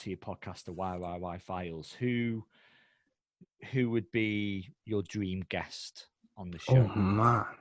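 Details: Adult male speaker; normal speech.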